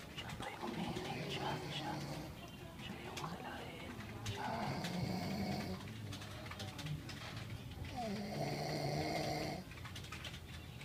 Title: Snoring hunt